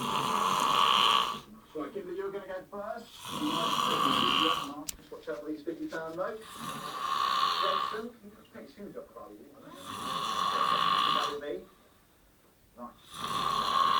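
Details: Loud, rattling snores on each inhaled breath, about 18 a minute, separated by quieter exhalations with gurgling sounds; snoring.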